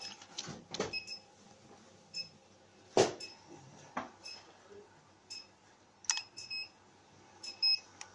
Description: 30MHZ High Frequency Vein Removal Machine